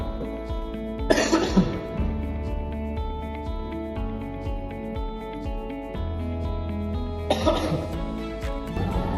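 Two short, harsh acted coughs, each a brief burst, heard over steady background music; a plain cough.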